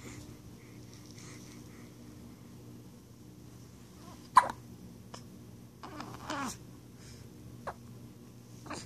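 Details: Hiccups in a 9-day-old newborn: several brief, sharp hiccup sounds at irregular intervals, with faint baby noises and background hum.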